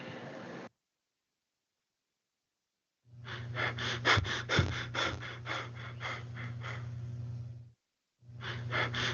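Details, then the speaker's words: Cheyne-Stokes breathing played as a classroom example: after a period of apnea, breaths gradually build up then fade away and stop again, a pattern described as resulting from cardiac damage. "Sin embargo, el patrón de Chain Stock es un aumento gradual seguido de una disminución gradual. Y así es como se escucha."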